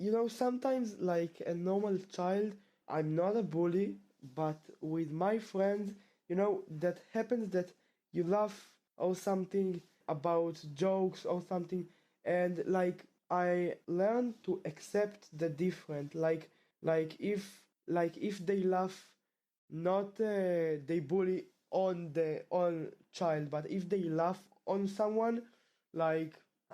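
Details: 17-and-a-half-year-old male 12th grader from Israel whose stutter returned about half a year ago after roughly two years of about 95% fluency, speaking in a podcast interview; stuttering.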